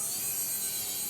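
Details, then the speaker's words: 68-year-old man with disc protrusion and bone spur pinching the nerve below a prior lumbar fusion, right-sided leg pain, during Lumbar Endo Spine Surgery (LESS): brief steady high-pitched hiss and whir of the endoscopic drill near the nerve. "This is how you control the drill. It's like a pencil."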